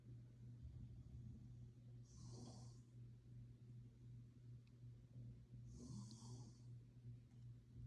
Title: New Years Eve Snoring 2021